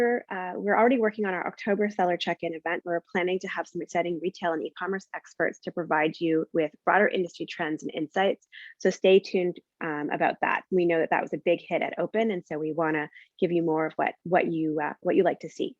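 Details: Adult woman speaking; Normal speech.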